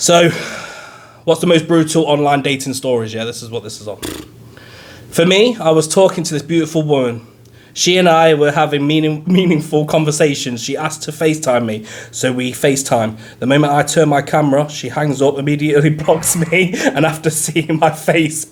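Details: Adult male speaker; typical speech.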